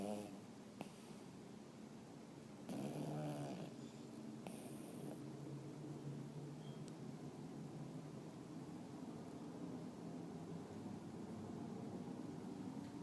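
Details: Dog Nicky snores softly and faintly while asleep, with a brief louder snort early on, under steady room noise; snoring.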